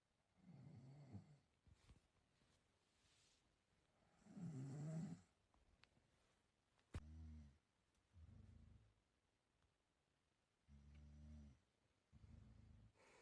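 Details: Self-recorded snoring of a person asleep: soft, low buzzing snores on the breaths, faint against quiet room noise.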